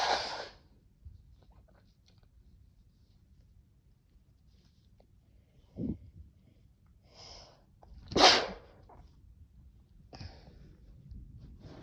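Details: A run of several sharp, breathy sneezes with quieter breaths between them in a quiet room, after using a new vial of sneezing powder (chhinkni).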